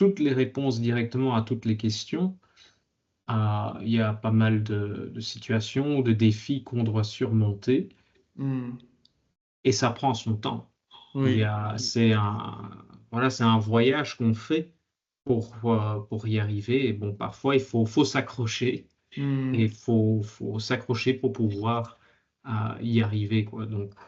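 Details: Adult man speaking French; stuttering.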